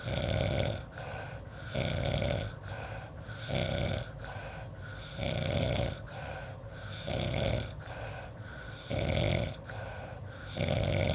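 Loud, regular snores on each breath, about a dozen cycles, with rattling throat vibration; habitual snoring.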